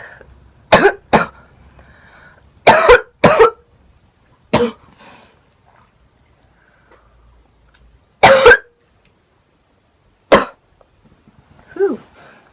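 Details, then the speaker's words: Young woman with a lingering cold; about seven sharp, dry-sounding coughs, some in quick pairs, separated by quiet pauses in a small room; an ordinary acute cough. "I almost just coughed into the bowl and made it go everywhere. I have a I still have a little cold right now."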